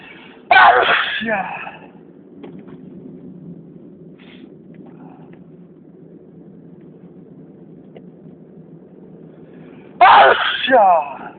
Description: Today I had a very intense and loud sneezing fit...enjoy